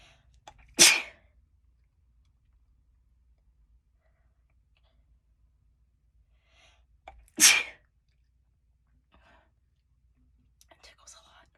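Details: Two sharp, sudden sneezes several seconds apart in a quiet room, described as a little wet; ordinary sneezing.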